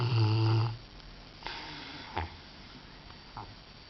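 A deep, loud rumbling snore on a breath, then quieter breathing with soft snorts.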